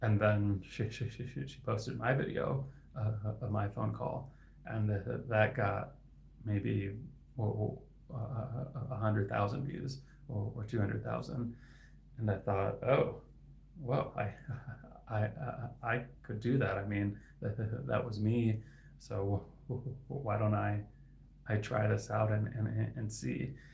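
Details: Adult man who stutters and is a licensed speech-language pathologist; his stuttering is inconsistent, with words sometimes stuck for seconds; sound repetitions heard; finding: stuttering.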